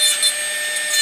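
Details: Rotary acrylic bur trimming resin flash and voids from a denture after chairside processing of a Zest Locator housing: high-pitched whirring grind.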